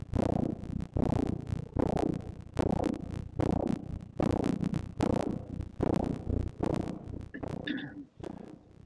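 Steady, rhythmic whooshing pulses, roughly 75 to 85 a minute, with a soft background hiss: a fetal heartbeat picked up by Doppler.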